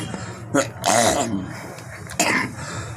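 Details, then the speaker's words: An adult coughing while singing a devotional song, which the singer blames on cold weather: three harsh, throaty bursts (short, longer rasping, then another), like coughing and throat clearing. "खांसी आ गई, ठंडा मौसम हो रहा है।"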